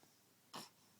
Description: 2 month old clearing her throat with instructions from dad